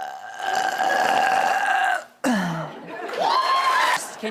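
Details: Adult woman on a talk show: two long, loud, drawn-out belches in a row, with a falling then rising throaty tone; burping.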